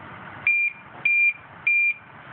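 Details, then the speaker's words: Home IV milrinone infusion pump for heart failure: three regular short high-pitched beeps, an upstream occlusion alarm because the tubing kinked under the sliding, emptying bag. "It says alarm up occlusion. So up occlusion is by the pump."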